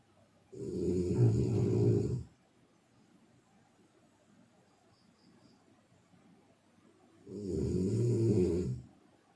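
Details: Heavy snoring: two loud, low, rattling snores on breathing in, separated by long quiet gaps.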